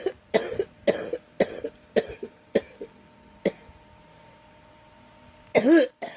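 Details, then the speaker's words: Woman with a cold coughing: a run of about six short, dry coughs in quick succession, then a pause and a louder voiced cough burst. "Excuse me. I am so sorry, everyone. I'm struggling with this cold."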